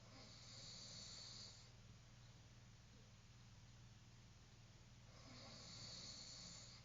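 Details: Person snoring quietly during sleep: soft, hissing breaths with a low rumbling undertone over a steady background hum.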